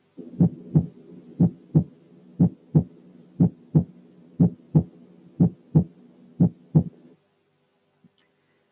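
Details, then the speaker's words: Heart auscultation teaching example of a pure, single (not split), normal second heart sound; regular heartbeat about 60 per minute, each beat a clean S1 and single S2. "تعالوا الأول نسمع السكند ساوند لوحده وبيور."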